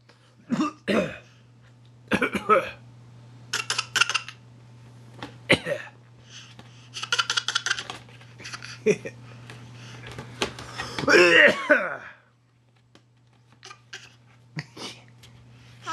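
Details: Young child deliberately fake coughing: a series of short voluntary coughs with a longer voiced sound near the end.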